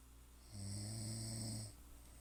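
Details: A person snoring, recorded February 2015: a single low, buzzing snore lasting about a second over quiet room noise.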